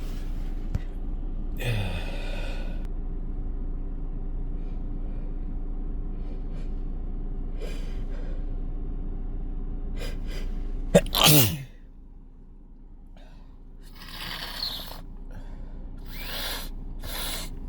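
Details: Adult in a car after a long workday, nose irritated by dust and perfume: breathy intakes, then one loud, forceful wet sneeze over engine rumble and road noise; sneezing.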